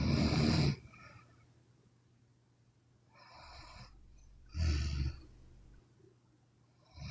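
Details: Sleeping Chinese woman: sleep breathing with a loud, rough, low snore, then a softer breath and another snore in a quiet room; snoring.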